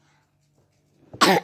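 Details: Single short, harsh cough after a quiet in-breath from a child with a cold and cough, who was at hospital the day before and is about to take medicine; cough.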